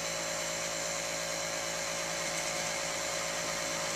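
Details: High-frequency chest wall oscillation vest in a patient with cystic fibrosis: steady loud mechanical buzzing and whirring as it shakes the chest to loosen mucus, used 30 minutes twice a day with nebulizer treatments.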